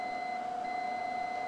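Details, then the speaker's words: Live endovenous laser ablation (EVLT) of a varicose vein after cannulation, fibre placement and tumescence: steady high "musical note" showing the laser is firing, with a 0.2-second metronome pause every 5 seconds to pace catheter withdrawal for correct energy delivery. "in the background you may be able to hear a little “musical note” which indicates that the laser is in action. It has also a metronome beat. Every 5 seconds, there is a 0.2 second pause."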